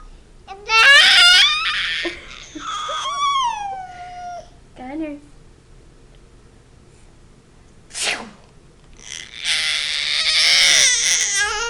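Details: Adult's sharp sneeze burst among a baby's squeals and babble in a small room, the baby laughing at the sneezing; sneezing.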